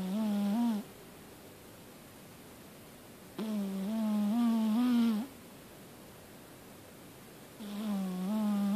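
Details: Sleeping Persian cat snoring: three slow, drawn-out, humming snore sounds in a quiet room.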